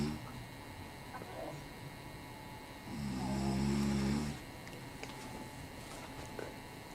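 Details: Snoring during a father's nap: a single low, throaty, vibrating snore of about a second and a half over steady room noise.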